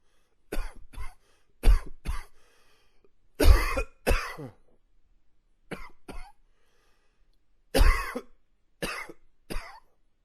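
Repeated coughing in pairs and short bursts, about eleven coughs with quiet pauses between.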